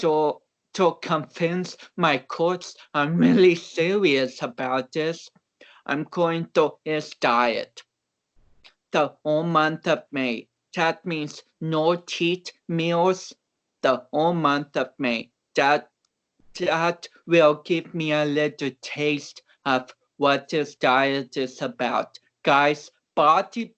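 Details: About 29-year-old male athlete with cerebral palsy, reportedly not expected to walk or talk; real conversational speech, transcribed with many garbled words, showing dysarthria due to cerebral palsy.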